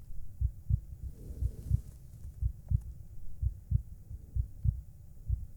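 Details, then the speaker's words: Soft, regular low thumps at about 60 a minute under faint background hum and music: a woman's normal heartbeat, played in an ASMR recording. "oh You' like to hear my heartbeat all right that sounds like fun so here you [Music] go do you hear [Music] it [Music]"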